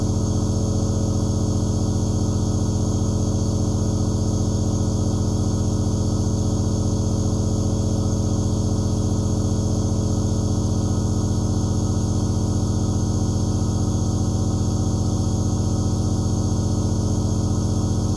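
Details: Steady, unbroken mechanical hum and buzz of a nebulizer compressor running continuously as half-hour ASMR white noise.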